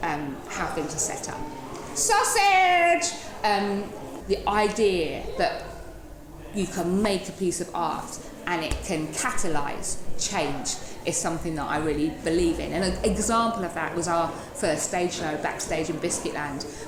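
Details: Woman in her 30s with Tourette syndrome making involuntary vocal tics ('biscuit', 'hedgehog', 'cats', 'sausage dog') plus a rhythmic chest-banging motor tic producing thuds; Tourette syndrome vocal tic.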